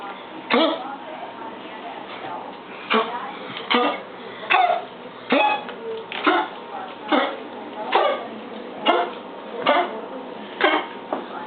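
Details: Pet named Cuddles with asthma and mild tracheal collapse in a persistent bout of about eleven harsh, dry coughs in eleven seconds.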